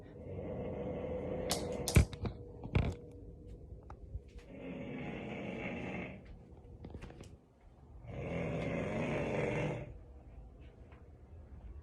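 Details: Loud snoring from a man during sleep, ongoing for about a month, with little benefit from Breathe Right strips: two long, rough, rumbling snores about four seconds apart, with bumps and rustling earlier.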